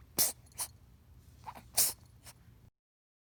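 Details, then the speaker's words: Kitten who just woke from a nap, purring then sneezing non-stop: a run of small, sharp sneezes and sniffs, about four bursts in under three seconds; repeated kitten sneezing. "Tuxie just woke up from his nap and started purring soon the purring became sneezing continued purring for a while now became non stop sneezing one more time non stop"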